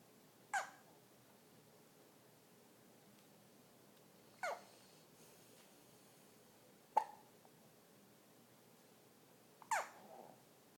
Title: Hiccups suck